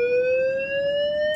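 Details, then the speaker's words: Physio-Control LifePak12 in manual mode, charge pressed to charge to 200 joules into a test load, not a patient: steady electronic tone rising slowly in pitch as the defibrillator charges. "once the duillage setting is selected we then press charge which is directly below energy select"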